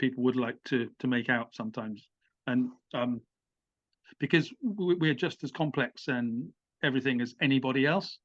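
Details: Adult British man who has stammered with blocks and has had some speech therapy; he says the stammer can come in when addressing an audience; stuttering.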